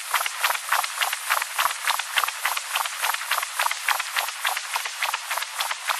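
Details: Cat with ventricular septal defect, mitral stenosis and tricuspid insufficiency: harsh, continuous whooshing Doppler signal pulsing about 200 times a minute with no quiet gaps, indicating turbulent mitral flow.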